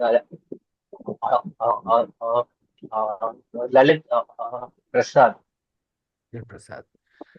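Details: Adult male member of a stammering self-help group who confirms he stammers, describes it as big for him and worries about others' reactions when starting to speak; stammering (stuttering).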